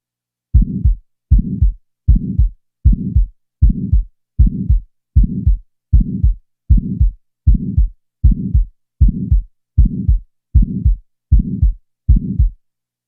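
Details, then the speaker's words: Patient's heart heard through a stethoscope, regular at about 78 beats a minute: an early systolic ejection click followed by a systolic ejection murmur. "in the next example an ejection click will be introduced and then a systolic ejection murmur will be added now the murmur will be added"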